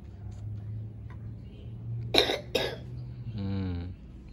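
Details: Child with a cold (cough and runny nose, not yet recovered): two sharp cough bursts then a brief voiced sound over low background hum; cough.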